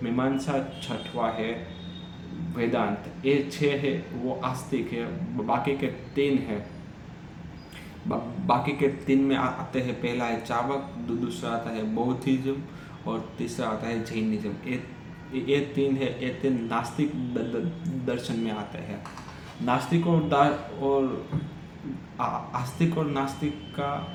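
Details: Stammering in an adult man during Hindi storytelling practice on day 7 of a daily stammering practice routine that includes breathing exercises.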